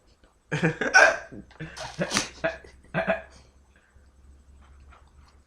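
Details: Repeated hiccups in an adult being filmed by their mother, who says they feel about to throw up: several sharp, abrupt voiced catches mixed with muffled vocal sounds.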